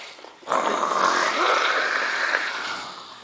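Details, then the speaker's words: Person snoring loudly while asleep, filmed close to the microphone in a small room: a single loud, rough, rattling breath; heavy snoring. "Fala aí você ronca demais cara meu barulho uma sonoridade com certeza vai para o YouTube né Amém"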